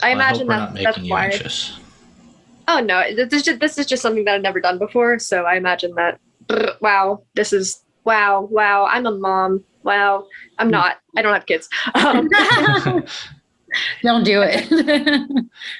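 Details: Woman with Tourette syndrome and functional neurological disorder (FND) awareness context; vocal tics such as swearing and 'wow' interrupting her speech; Tourette syndrome vocal tics.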